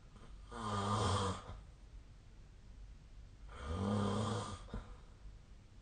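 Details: Sleep snoring recorded on 16 December 2024 with the SnoreLab snoring app.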